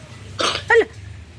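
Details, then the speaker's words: Goat: two harsh, hoarse coughs over a low background hum; goat coughing. "Loh, kok watuk?"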